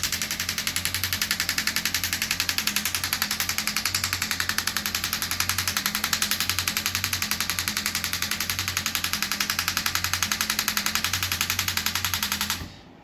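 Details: Radial shockwave therapy with a smaller head directly over an arm wrestler's joint and bone, gentler than over muscle, pressure raised to his tolerance; rapid steady tapping near four pulses a second with a low hum.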